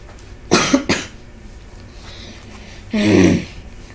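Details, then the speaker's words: A bad cough lasting several days, with a dry throat and chest that sometimes hurts on coughing: two quick harsh coughs, then a longer rough, voiced clearing over steady room noise; a dry-sounding cough. "I had this cough or whatever, and now it's Sunday, June 13th, and now every time I cough, my chest sometimes hurt or whatever."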